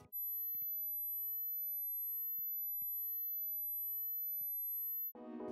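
A steady, very high-pitched pure tone lasts about five seconds: a 12,000 Hz hearing test tone. Faint clicks occur, and music starts at the end.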